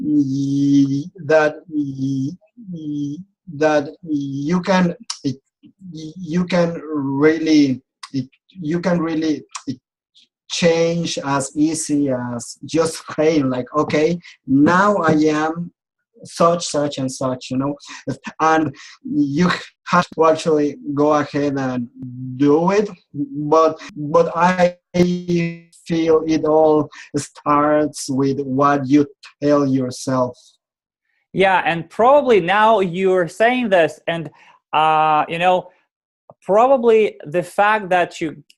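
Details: Adult man who has stuttered since age 4 and still clearly stutters; speech therapy and support groups helped him; stuttering.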